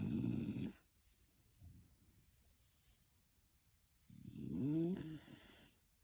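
Two rattling snores with a quiet pause between, typical snoring during sleep.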